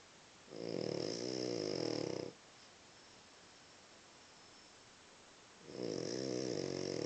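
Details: Two long, rattling, buzzy snores on inspiration about five seconds apart from a sleeping dog, quiet room noise between: dog snoring.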